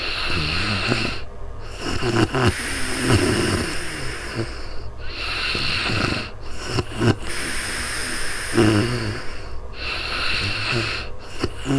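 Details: Heavy snoring during real-time sleep: loud, rough, snorting breaths in repeated cycles over steady background noise, recorded with a new microphone.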